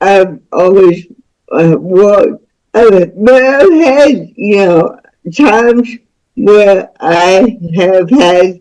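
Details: Dysarthric speech in a woman about to turn 49 with lifelong cerebral palsy involving spasticity, born with the umbilical cord around her neck five times; doctors said she would never walk or talk.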